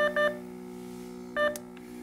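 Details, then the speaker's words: Alarm-silence button pressed on a Nonin RespSense/LifeSense capnography monitor, giving two short electronic tones over device hum; this silences the audio alarm for two minutes, for example after no breath is detected for 25 seconds. "you can silence the audio alarm for two minutes by pressing the alarm silence button"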